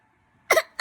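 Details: 1-year-old boy giving one short, light pretend cough on request, then starting another: voluntary cough.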